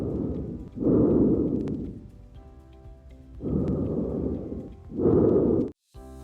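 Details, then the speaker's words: Normal vesicular breath sounds heard with a stethoscope at the lung periphery: soft, even, uniform breathing, with faint music behind. "Los ruidos normales como murmullo vesicular es el sonido respiratorio normal, suave y uniforme que se escucha en la periferia"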